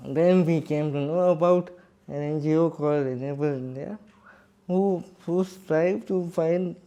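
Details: Adult man with cerebral palsy speaking in his own voice; dysarthric speech (cerebral palsy).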